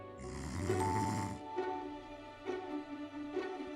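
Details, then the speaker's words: Snoring featured in a product promo for a smart sleep device placed under the chin to stop snoring. "you someone who finds it very difficult to bear the sound of snoring"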